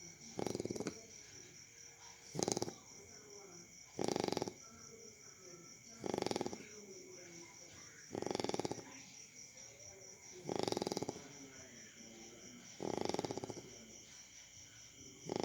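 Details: Chow Chow dog snoring while asleep: regular, harsh, snorting snores about 28 a minute, with a steady insect-like hum in the background.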